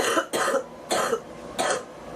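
An adult gives a run of about four short, harsh coughs in quick succession with brief pauses between them, a repetitive cough.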